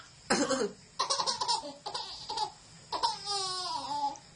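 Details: A single cough from a father, followed by bursts of his baby's laughter; cough.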